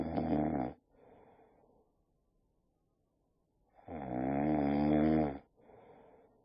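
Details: Boxer dog snoring with open eyes after a long walk: two loud, rumbling inhaled snores about three seconds apart, each followed by a soft airy exhale, in a quiet room.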